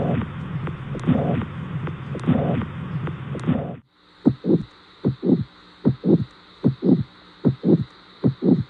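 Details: Regular heartbeat at about 76 a minute, thumping paired heart sounds after a noisy, muffled opening stretch.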